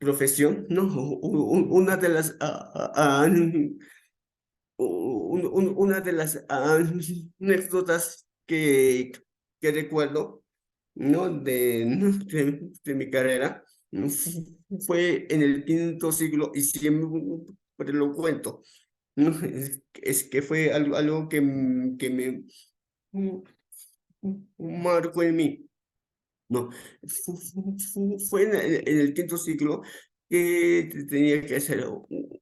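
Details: Stuttering in an adult man, onset around age 7 and more noticeable from about age 11; he says it is uncontrolled on the day of the talk; real speech with repetitions.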